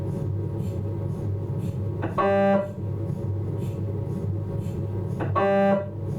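Steady loud droning hum broken by two buzzing tonal bursts about three seconds apart; normal scanner noise during an abdominal MRI sequence.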